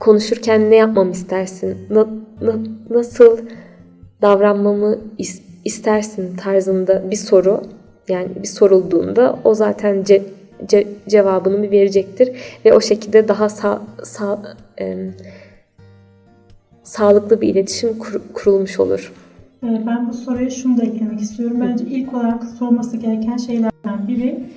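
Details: Stuttering in an adult woman.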